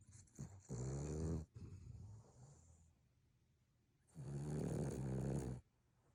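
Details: Boston terrier, tagged as a puppy, snoring: deep rumbling snores from a small flat-faced dog with quieter wheezy breaths between, in a quiet room.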